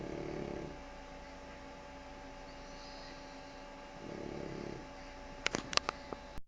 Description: doudou taking a nap after messing with my socks, and he's comfortablly snoring.